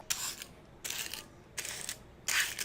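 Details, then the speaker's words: Four rhythmic bursts of crisp rustling and scraping: medication being divided into individual patient doses in a hospital, recorded for a nurse's guess-the-sound segment. "야근 맞는데 약으로 지금 뭘 하는 거야 환자별로 양 나누는 소리라고요"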